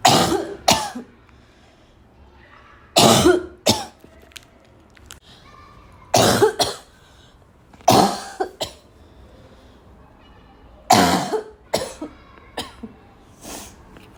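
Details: Girl's afternoon coughing fit that started weak and became violent, tagged as a barking cough: about five harsh cough bouts, each followed by a smaller cough, with throat clearing in a quiet room; cough.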